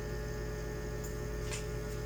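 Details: Suction machine running during oropharyngeal and tracheostomy suctioning to remove secretions from a patient unable to expectorate: steady low motor hum with brief hissing bursts as air and fluid are drawn in under negative pressure.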